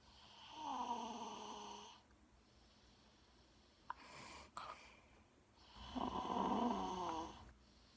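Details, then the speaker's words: Loud, rattling snores on two long breaths with a quiet pause between, from a sleeping male cousin who snores very loudly; heavy snoring. "This is my cousin snoring. He snores really loud."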